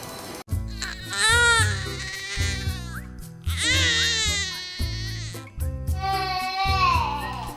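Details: Newborn infant cries in three drawn-out, strained bursts over loud background music, a cry linked to gas in the stomach: lower wind cry (Dunstan 'eairh').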